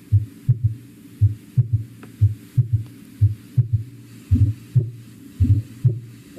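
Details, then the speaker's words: Teaching recording of a third heart sound (S3 gallop): slow, low-pitched heartbeat at about 55 a minute, with a soft extra third sound after each second sound. "Tercer ruido cardíaco o galope."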